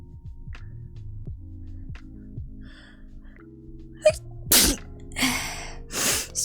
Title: Sneeze Compilation 1